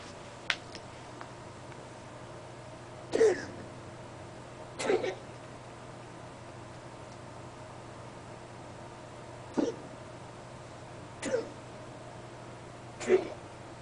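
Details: Dog coughing: five short, sharp coughs spaced a few seconds apart over a steady low room hum.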